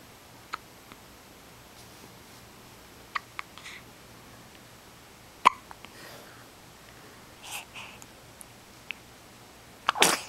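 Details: Infant with hiccups: scattered brief sharp clicks and small catches in a quiet room; soft infant hiccups.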